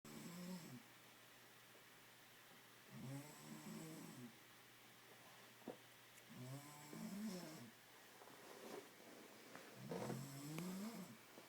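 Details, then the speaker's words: Girl snoring during sleep, a recurring occurrence, with slow rumbling, buzzing, fluttering breaths, about four in the clip, before she wakes herself up; snoring. "You just woke yourself up. Fortunately, I'm videotaping the whole thing. Was I snoring?"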